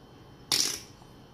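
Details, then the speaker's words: Single sharp, high-pitched tongue click in a quiet room, a simple vocal tic in an adult with Tourette syndrome who clicks the tongue frequently; tongue-click vocal tic. "You'll see in my videos, I click my tongue a lot, and I apologize for it, and I say, oh, I have Tourette's, I'm not farting, blah, blah, blah."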